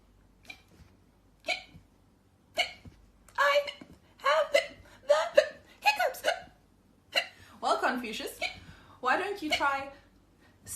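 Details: Acted imitation of hiccups: sharp, abrupt hiccup sounds breaking into a voice, with short gasping bursts between vocal sounds; imitated hiccups.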